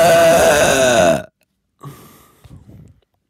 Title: The big burp 3 the burp grenade